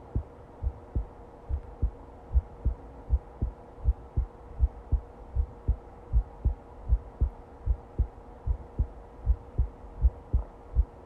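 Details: Normal-sounding heartbeat: steady, regular paired thumps at about 79 beats a minute over a faint hum.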